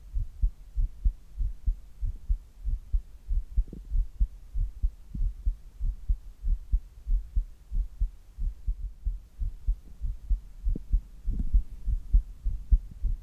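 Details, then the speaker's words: Normal resting heart sounds of an adult: a steady, regular, low thumping heartbeat, recorded as a baseline before doing handstand push-ups. "じゃあ行ってみましょう。まずは平常時の心音をお聞きください。"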